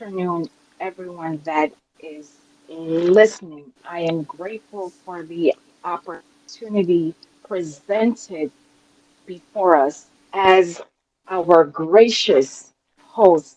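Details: Adult woman, real, self-reported speech impediment that she calls her "disability"; speech impediment.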